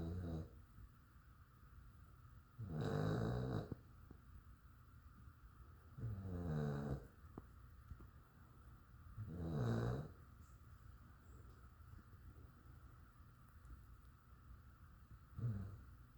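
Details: A sleeping dog snoring: soft, rumbling snores every three to four seconds, roughly 17 breaths a minute, over a quiet room hum.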